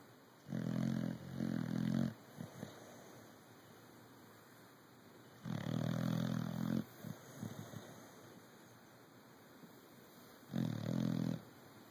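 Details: Three rough, low snoring bursts on inhalation, spaced a few seconds apart, with quiet breathing between; ordinary snoring in a sleeping dog.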